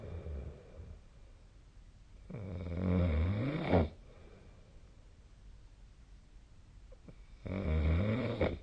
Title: 🐽 本日のイビキ / Snoring Sleep Sound 2025/02/09